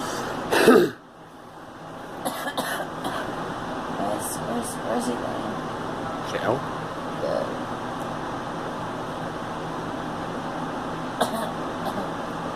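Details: Girl coughing: one loud cough near the start, then a few faint bursts over steady car noise.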